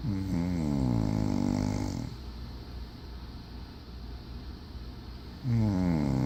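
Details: Adult woman (aunt) asleep: loud, rumbling, rattling snores on inhalation with quieter breathy pauses between; ordinary heavy snoring.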